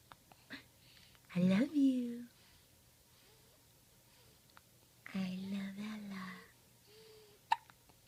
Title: Happy hiccups :p